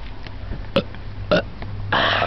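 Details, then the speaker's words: A burp contest: two short burps, then a longer, louder burp over a low background hum; ordinary belching. "and I can't hold this sh burp I dare you oh then you"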